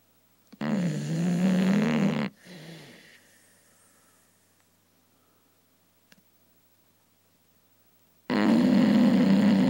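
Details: Dog snoring loudly during her morning nap: loud, rough, rattling breath noises in long bursts separated by quiet pauses.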